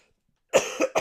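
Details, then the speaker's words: Adult with a lingering cough of nearly three weeks, on NyQuil: a burst of three harsh coughs in quick succession. "I had a cough for the better part of a month it's been going on for nearly three weeks now and"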